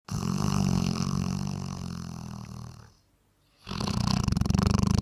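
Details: Snoring from a sleeping Bracco Italiano dog: loud, low rattling snore through a long breath, a brief quiet pause, then the next rasping snore.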